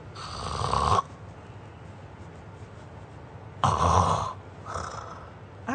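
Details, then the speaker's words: Sleeping person snoring loudly, then a silent stretch where the airway is blocked and no air passes despite breathing effort, with oxygen dropping, then a gasping snore as breathing resumes: obstructive sleep apnea. "yang terjadi saluran nafasnya tersumbat Oh jadi saluran nafasnya tersumbat Walaupun ada gerakan nafas tidak ada udara yang bisa lewat oksigen drop ya"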